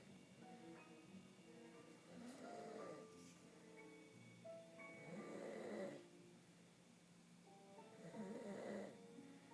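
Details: A man snoring while dozing in front of the TV: loud, rhythmic snoring on the in-breaths, about 20 a minute, with television sound in a small room.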